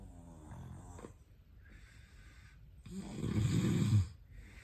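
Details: Recording tagged sleep apnea and snoring: quiet breathing, then one loud, low, rattling snore on a breath in, with soft airy breaths around it; snoring.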